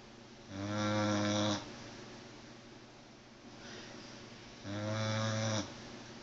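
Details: Pit bull named in caption (name omitted) snoring very loudly while asleep: two loud, rumbling snores on the in-breath with a quieter out-breath between them; heavy snoring.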